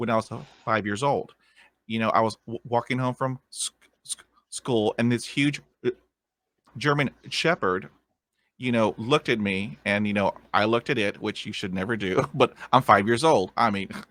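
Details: Man of about 50 who has stuttered since a dog attack with head injury at age five; initially severe, speech therapy in the 1970s, uses tapping and accents to get through blocks; stuttering.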